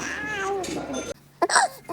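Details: Newborn infant (0–2 months) crying: a thin, wavering cry breaks off, then a short fussy whimper follows; ordinary infant cry.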